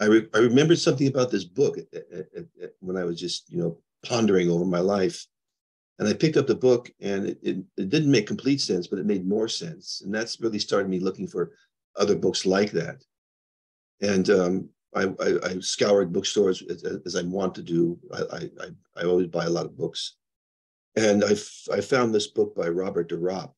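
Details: Adult man with progressing Parkinson's disease who reports mild stuttering, losing his words and impaired balance; mild speech disfluency in Parkinson's disease.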